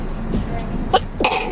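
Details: Young woman YouTuber sneezing: two short explosive bursts, a cough- or sneeze-like expulsion, over steady background noise.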